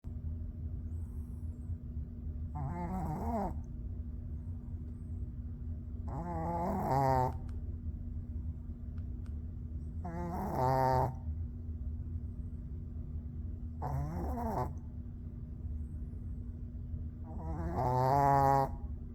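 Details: Dog (pup) snoring very loudly: rattling snores with each breath, about eight a minute, over steady room hum.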